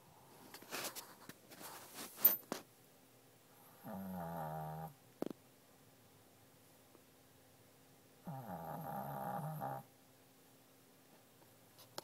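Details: Asleep under a desk with face squished against the wall: two low, vibrating, train-like snores about four seconds apart, each roughly a second long, after a few small rustles; snoring.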